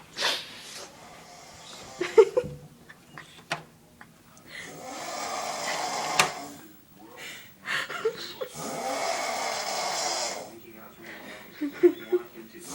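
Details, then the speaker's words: Brother snoring heavily in his sleep at about 3:20 a.m.: harsh, gurgling, uneven snores with snorts and breathy gaps in a small room, loud enough for the neighbours to hear. "okay we're at my house it is approximately um 3:20 a.m. and my brother's snoring so we're going to go videotape him cuz he doesn't think he's snor so let's go"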